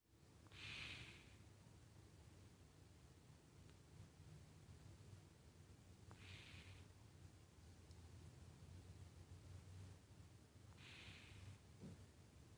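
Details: Slow, hissy snoring breaths about every five seconds, roughly 12 a minute, over a low steady room hum; snoring.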